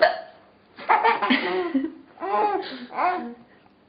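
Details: Mother's hiccups: three abrupt voiced gulps, each a sudden catch of breath with a squeaky vocal sound, possibly mixed with laughter.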